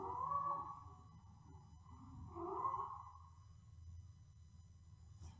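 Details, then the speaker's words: Pug with laryngeal collapse (brachycephalic obstructive airway syndrome): harsh, high-pitched whistling noise on each breath, which is stridor. "you get a Strider when the larynx collapses and we do grade the laryngeal collapse in different ways depending on severity oh and it's this noise it's a high-pitched noise"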